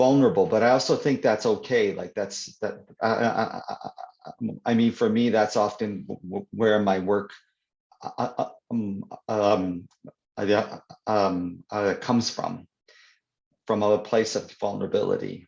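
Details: Adult man who stutters (stammers), speaking in an interview; word and phrase repetitions audible; stuttering.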